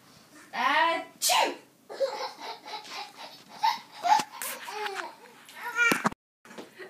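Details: Young child having sneezing fits with giggles: a few sharp sneeze bursts mixed with giggling and babbling in a small room.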